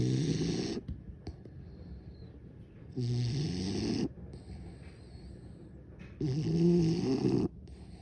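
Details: Bulldog passed out asleep: loud, rough, rumbling snores on each breath in, about three in eight seconds, with quiet breathing out between; snoring in a sleeping dog.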